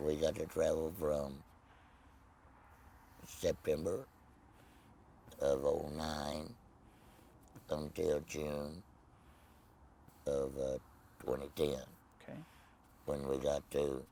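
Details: Tracheoesophageal speech in an adult man after laryngectomy for laryngeal cancer, no voice box, speaking with a Provox voice prosthesis.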